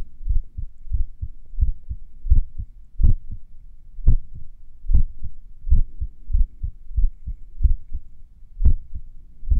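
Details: Own heartbeat a few minutes after finishing morning exercises: low beats about 110 a minute with pauses that lengthen and shorten irregularly; sinus arrhythmia during recovery.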